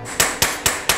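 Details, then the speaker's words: Mallet driving a size 13 high-offset short femoral stem during total hip replacement in a 42-year-old man with congenital hip dysplasia: four sharp, ringing metallic blows about a quarter second apart. "Nummer 13 haben wir. "Mikroplastie, high offset", genau. Und das bauen wir dem Patienten jetzt ein."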